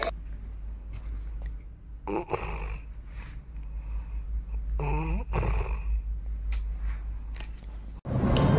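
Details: Person sleeping comfortably after lunch snoring: two rough, rumbling snores over a steady low room hum.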